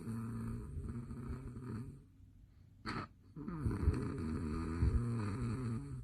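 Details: Habitual very loud snoring in a man, recorded late at night by his wife: loud, low, rattling snoring in long stretches with a brief pause, in a small quiet room.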